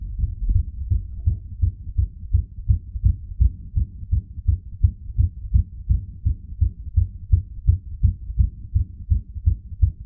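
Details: Rapid, regular low heart thumps at about 165 beats a minute after pressure on the chest using gravity; displayed heart rate added afterwards; tachycardia.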